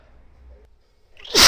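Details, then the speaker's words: Female inducing sneezes by sniffing black pepper, then tickling her nose with a twisted paper towel: a quiet, sniffly breath-in builds to one sudden, loud, explosive sneeze. "I've got a twisted uh paper towel and I'll see if it'll make me sneeze wow oh God oh God feel like the peppers is making my no was really sensitive God really tickles a"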